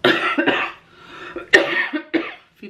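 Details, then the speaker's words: Persistent cough in an adult, not improving, now on different medication: a run of about five harsh, rattly coughs in quick succession. "Zoals je hoort, ik hoest nog steeds als een malle. Knapt ook niet echt op."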